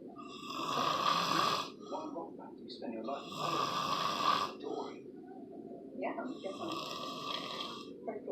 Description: Drunk man holding sausage plate while snoring